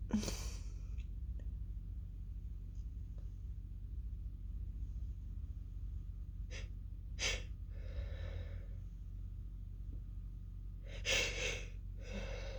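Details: Stifled sneezing fit in a female: several short, muffled sneeze bursts held back with the mouth closed, ending in louder, more open sneezes, over a steady low room hum.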